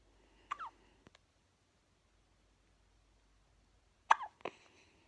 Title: Newborn baby hiccups ❤️